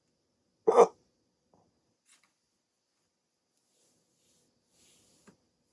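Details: One short, sharp hiccup in a quiet room, followed by faint small sounds; a rare 16-minute hiccup bout after waking from sleep with a CPAP mask for sleep apnea.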